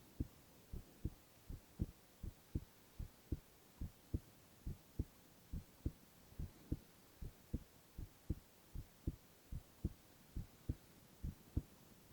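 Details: Male ASMR recording of his own heart with no talking: steady, regular lub-dub heartbeat at about 75 beats a minute; heart sounds.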